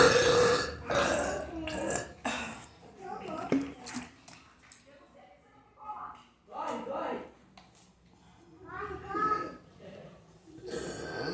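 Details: While drinking: a series of loud, drawn-out throaty belches between quieter gaps and sips; repeated burping.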